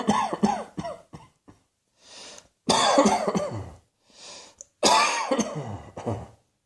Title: Cross Dressing Coughing 117